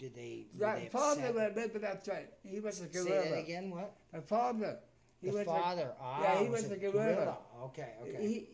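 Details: Adult man described as having a speech impediment and as partially deaf in both left and right ears; speech impairment associated with hearing loss.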